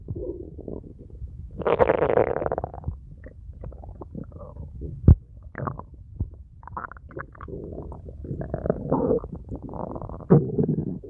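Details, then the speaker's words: Abdominal auscultation in abdominal distension with suspected ileus: frequent loud, intense, prolonged gurgling 'struggle' bowel sounds with pain, indicating mechanical ileus (bowel obstruction), unlike the silent abdomen of paralytic ileus. "la presencia de ruidos y libros de lucha que serían intensos prolongados acompañados de dolor reafirman la presencia de un hilo mecánico"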